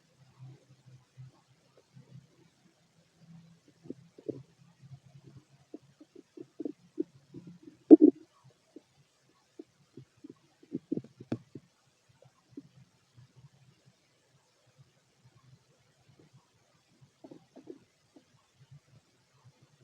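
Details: Fit male, empty stomach: quiet, scattered gurgles and brief rumbles with long quiet stretches between bursts; bowel sounds with little activity.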